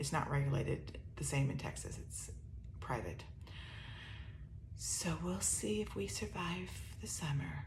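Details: ALS-related voice weakness (dysphonia) in an adult woman with upper motor neuron dominant ALS (C9orf72 mutation, some lower motor neuron signs); her already soft voice grows softer with talking, and she uses a microphone.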